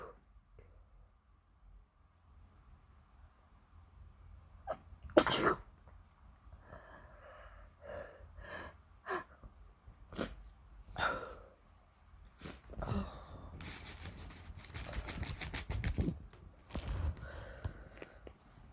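A loud sneeze followed by a run of smaller sneezes and snuffly breaths in a quiet room; ordinary sneezing.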